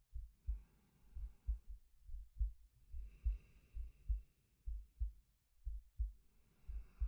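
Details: Male ASMR sleep-aid recording of heartbeats and breathing: normal heartbeat.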